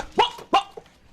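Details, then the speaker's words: Two quick, sharp bark-like yelps from an adult actor in a film, portraying a character's barking vocal tic of Tourette syndrome (simulated). "it was the worst interview I've ever had all he could see when he looked at me was my Tourette's oh"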